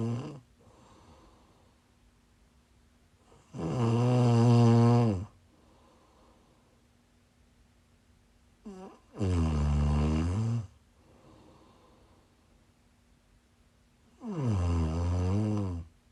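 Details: Snoring while sick, recorded during a live stream: loud, deep, rattling snores on in-breaths, about 11 a minute, with quiet pauses between them in a small room.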